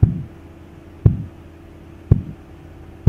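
Regular low thumps with a soft swishing tail, about 57 a minute: phase II Korotkoff sounds.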